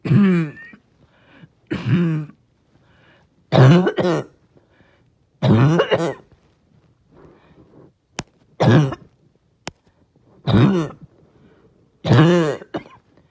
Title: Barking Cough (trying not to choke)